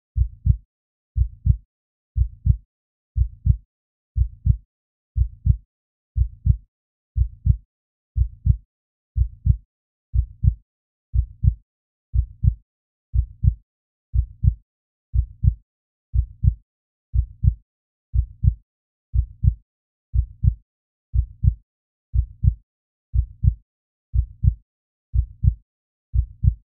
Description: Soothing heartbeat sounds for deep relaxation, calm your nerves and fall asleep peacefully.